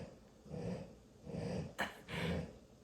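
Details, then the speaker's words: Snoring of a sleeping dappled gray-and-black dog named Dolly: slow, rumbling breaths with one sharp snort near the end. "That's Dolly. And you know what? She reminds me of Stitch except she's gray and black. She's dappled color, but she looks just like Stitch. She sounds like Stitch. She snorts."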